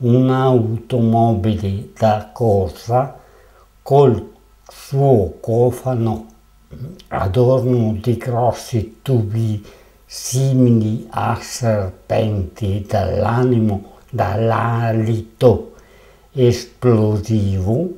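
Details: Aphasic reading aloud with word errors, from the artwork 'Velocità Zero' (Venice Biennale 2007), which presents aphasia; aphasia.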